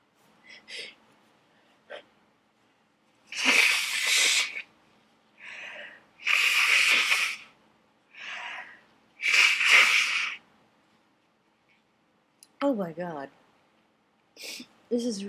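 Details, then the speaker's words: Sneezing fit brought on by a dusty attic: three big, drawn-out sneezes in a row, each after a gasping in-breath, then brief voiced sounds; very messy sneezes from dust irritation. "oh my God this is a really pretty epic fit welcome to my attic it's h man it's full of [Music] dust this is actually pretty gross"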